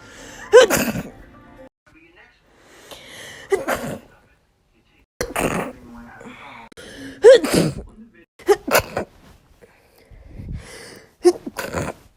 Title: SNEEZING COMPILATION